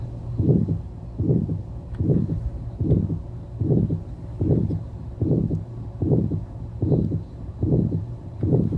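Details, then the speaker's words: Aortic stenosis heart sounds, regular rate about 75 a minute: loud harsh crescendo-decrescendo systolic murmur with the second heart sound (S2 valve closure) still audible. "Okay, you can still hear the S2 closure sound. It's a loud murmur."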